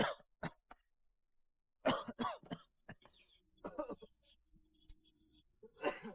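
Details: Acted scene in an Indonesian TV drama, adult man with cough and flu who cannot sleep: several short coughs and throat clearings with quiet pauses between them.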